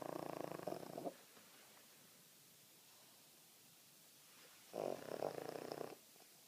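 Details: Two snoring breaths separated by a quiet pause of several seconds, each a rough, rattling noise about one second long; snoring.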